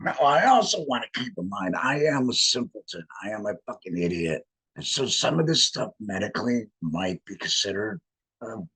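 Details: Adult male laryngectomee speaking with a voice prosthesis in a tracheoesophageal puncture, air routed up through the prosthesis to vibrate tissue; tracheoesophageal speech after laryngectomy.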